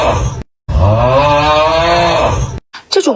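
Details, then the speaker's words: A brief breath, then a long, loud, groaning, tonal snore on the in-breath, followed by a softer breath; loud snoring. "朋友打呼噜，记得帮他听一听，这种问题不大。"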